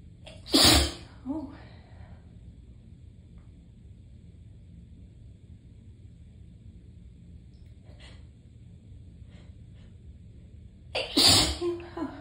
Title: Tickly sneezing fit